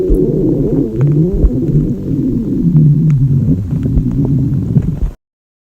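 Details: Girl's loud hunger stomach growling during class in a library: long, low gurgling rumbles and groans lasting about five seconds; normal borborygmi.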